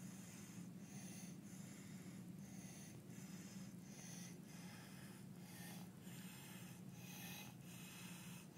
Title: baby with Croup Stridor Barking Cough visual & audio sound